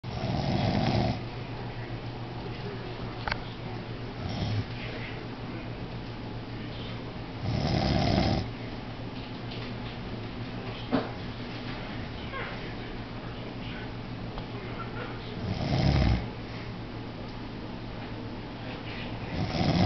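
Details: Deep, rumbling snores from a sleeping adult man, roughly every seven to eight seconds, about eight breaths a minute, over a steady low hum in the room.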